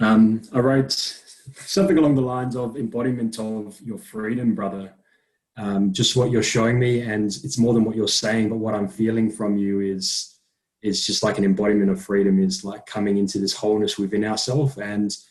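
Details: Adult man speaking; normal speech.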